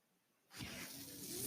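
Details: The speaker's own mechanical ventilator, heard while he talks on his podcast: after brief quiet, a steady rushing hiss of air starts with a faint rising tone as the ventilator delivers a breath.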